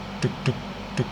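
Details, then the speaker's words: Spoken imitation of heart sounds in a cardiovascular physiology lesson: paired low thumps, lub then dub. The first sound is atrioventricular valve closure and the second is semilunar valve closure; normal S1 and S2. "itu yang jantung yang pertama Duck Duck yang pertama Duck yang pertama itu adalah itu penutupan katup atrioventrikular jadi penutupan ini menutupi nih saat menutup ini adalah bunyi yang pertama"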